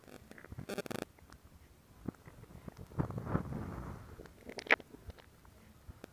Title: Stomach Sound [Stomach Growling][ASMR] [2022-07-14]